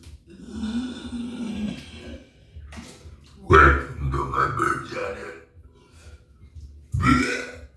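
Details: Two loud, low, rumbling burps with quieter throaty sounds between them, performed on camera in an acted burping clip; ordinary belching.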